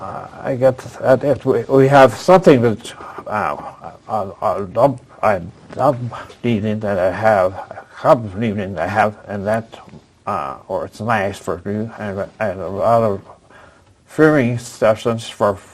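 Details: Adult with aphasia after a stroke at age 76, previously in a professional career, attending an aphasia conversation group with a speech-language pathologist; real patient speech showing aphasia.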